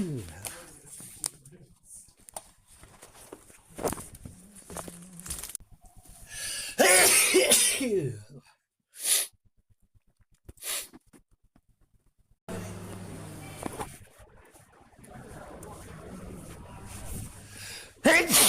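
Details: Adult male's natural sneezes, recorded on a smartwatch. He has not been ill and it is not allergy season. Several sharp, explosive sneezes, each with a brief breath before it, amid room noise and a little talk; ordinary random sneezing.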